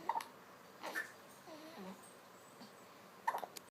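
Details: Granddaughter's lip-smacking hiccups, new behaviour: two sharp, abrupt catches about three seconds apart with soft babbling between, quiet room; hiccups.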